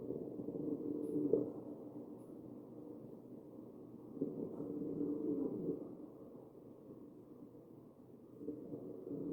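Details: Real ventilated patient, chest auscultation: muffled chest sounds with musical, whistling tones on each ventilator breath, about 14 breaths a minute; wheezing.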